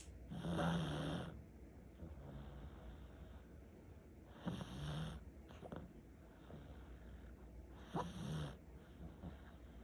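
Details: Pomeranian dog with heavy snoring: three loud, rattling snores roughly every four seconds, about 15 breaths a minute, with quieter breathing between.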